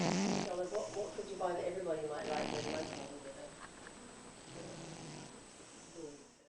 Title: Cat Snores Like A Fat Man